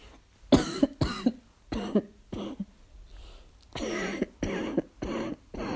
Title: Asthma cough, barking cough